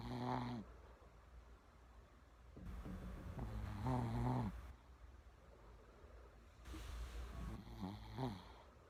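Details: Snoring from a female Shih Tzu born December 2009: rasping snores with a whistling edge come in bursts, with quiet gaps between them.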